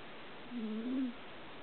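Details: Pet cat sleeping and snoring, one soft, tonal, slightly whistling snore of about half a second.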